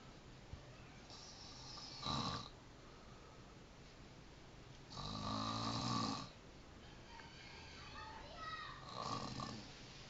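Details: Snoring from someone living in Depok: rough, rattling snores at irregular intervals, about three in ten seconds, with quiet breathing between.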